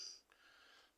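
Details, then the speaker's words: Adult with a head cold, stuffy nose and congestion, voice changed: a short, hissy nasal sniff pulling air through a congested nose. "yeah I got the code stuffy nose and uh just congested and all that stuff"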